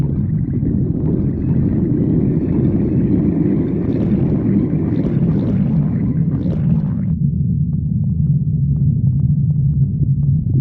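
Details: Stomach growling (borborygmi): continuous low gurgling rumble with bubbly squeaks, louder and richer in the first half, then a steadier low growl.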